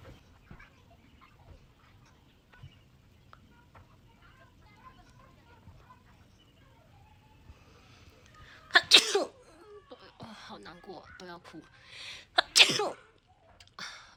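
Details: Woman self-swabbing nose for a Covid-19 test: quiet room, then two sharp, forceful sneezes a few seconds apart with breathy sounds between, triggered by the nasal swab.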